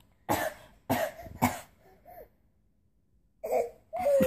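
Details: Adult gives three short deliberate voluntary coughs in quick succession, then brief voiced sounds, while a baby tries and fails to copy the cough.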